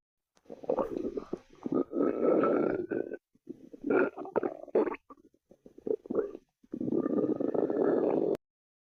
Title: stomach growl